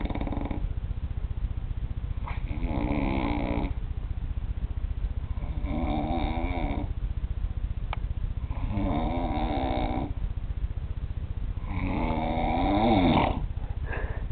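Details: A roommate's loud, beast-like snoring while asleep: four rough, rattling snores at regular intervals, each over a second, about 17 breaths a minute; deep, vibrating snoring.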